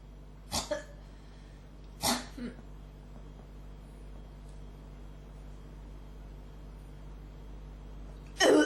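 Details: Three harsh cough bursts, one a double cough, over low room hum; a persistent cough that catches in the throat and feels close to bringing something up, but doesn't.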